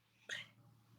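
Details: A single short, harsh throat-clearing cough from an adult who has lost most of their voice, recorded mid-podcast; a cough.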